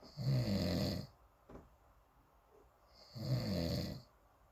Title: Snoring monster